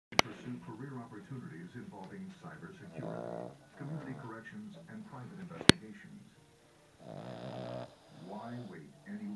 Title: The dog snores louder than ..............